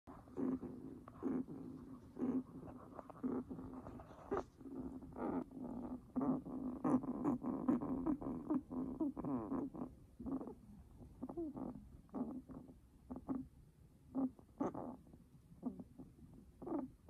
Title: Guinea pig rapsy breathing sounds